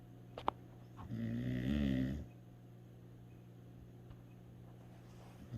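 A single low, rattling snore lasting about a second, then quiet room hum: a dog snoring.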